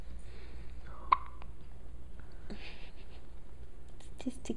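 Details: Meadow, a dog, with hiccups: a few brief, soft hiccup jerks over low room hum with faint whispering nearby.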